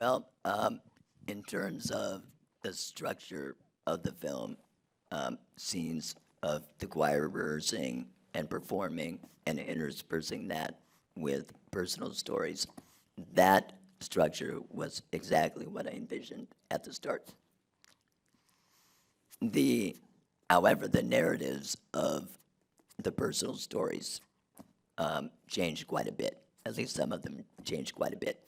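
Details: Adult man whose larynx was removed in 2016 due to long-term radiation damage from cancer treatment 19 years earlier, speaking with an artificial voice and breathing through a neck stoma; alaryngeal speech after total laryngectomy.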